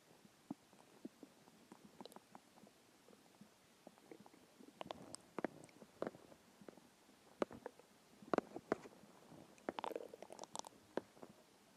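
Quiet scattered gurgles, squeaks and pops from the belly over a faint hiss; normal hunger growling of the stomach.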